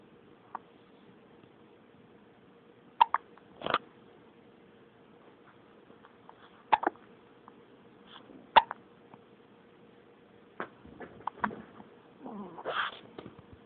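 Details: A baby with brief, sharp hiccups at irregular intervals, about eleven a minute, and soft fussing toward the end; hiccups.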